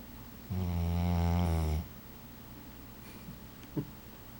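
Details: Ordinary snoring from a sleeping dog: a single deep, buzzing snore, then quiet with a faint snuffle.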